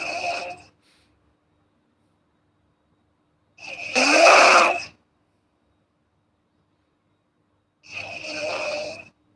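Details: Girl snoring while asleep: three loud, rasping, buzzy breaths separated by long silences, in a snoring pattern.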